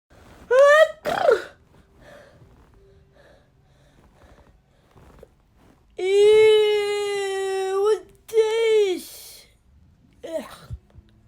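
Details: A string of varied voiced sneezes, some drawn out and squealing, with sharp bursts between; different types of sneezing, some exaggerated.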